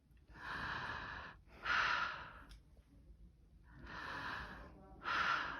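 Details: Normal breath sounds over the lower anterior chest near the xiphoid and diaphragm, heard with the stethoscope diaphragm: two full breath cycles of soft, rushing airflow.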